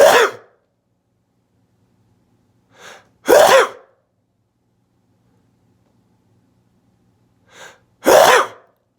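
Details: Deliberately triggered sneezes with eyes kept open; three sharp, explosive sneezes in a quiet room, the last two preceded by a brief in-breath; sneezing.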